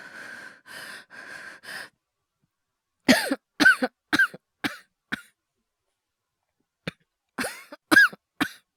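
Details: Acted cough (all performed) by a male VTuber voice actor in a cough/asthma/hyperventilation ASMR compilation: four raspy breaths, then a run of about ten short, sharp coughs with a short pause.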